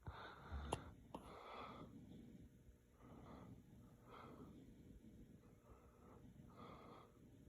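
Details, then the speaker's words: Baby girl, just fed milk and falling asleep, with hiccups: two abrupt clicking catches early on, then soft, regular noisy breaths about once a second; infant hiccups. "hiccuper. Naomi has hiccups. Let's count them. That was already 2, 3, 4, 5."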